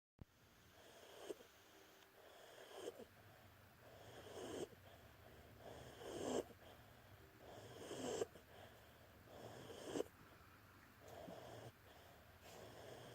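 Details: Pug (flat-faced dog) falling asleep: rhythmic snoring with whistling, wheezy breath noise at about 34 breaths a minute; brachycephalic dog snoring.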